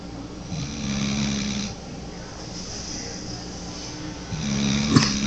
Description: 9 mo. old pitbull mix sawing logs like an old man